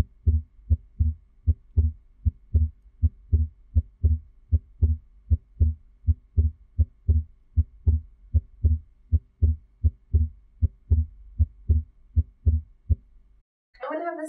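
Regular heart sounds at about 77 beats a minute; the second sound splits normally into two close parts.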